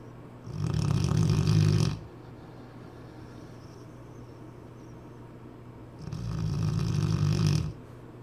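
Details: Cane Corso dog snoring: two long, deep, rumbling snores on breathing in, about 6 seconds apart, quiet breathing between; about 10 breaths a minute.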